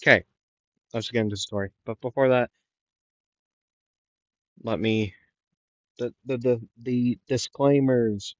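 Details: Male narrator who says he stutters a lot and repeats things, repeating the word 'the' several times; stuttering.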